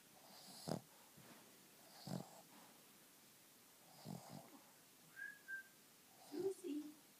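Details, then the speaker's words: Snoring from a sleeper, recorded while others talk nearby. "because she's still snoring"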